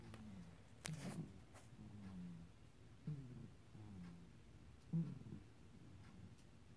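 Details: Small pet, first time out of its cage, breathing with soft, faintly whistling, irregularly repeating sounds: mild wheezy breathing.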